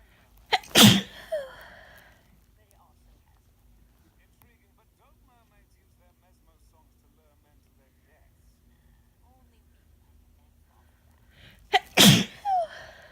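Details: Two sharp, forceful natural sneezes about eleven seconds apart, each preceded by a quick intake of breath, from a person with a common cold.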